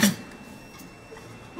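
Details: Weak cough from a tracheostomized, ventilator-dependent patient with weak respiratory muscles during a peak cough flow test through a mask with nose clips after lung volume recruitment bag insufflation; single short, soft cough, PCF 165.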